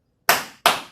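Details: Two sharp claps close together imitating paired first and second heart sounds of a normal, regular, continuous heart rhythm, with an interval before the next pair; simulated, from a cardiorespiratory therapy auscultation lesson.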